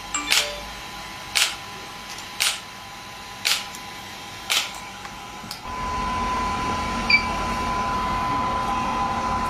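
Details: Shockwave therapy device (SW5S, used for ED and plantar fasciitis) firing during a session with gel applied: sharp, regular snapping pulses about one per second over room hum, then a louder continuous whir.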